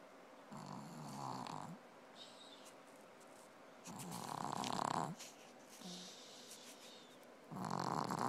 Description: I can't believe how much she snored this morning